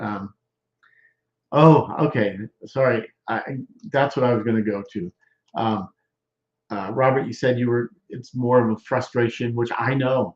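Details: Male stroke survivor more than 13 years post-stroke with Broca's expressive, non-fluent aphasia, involving word-finding difficulty, trouble with function words and word substitutions, speaking English; expressive (Broca's) aphasia.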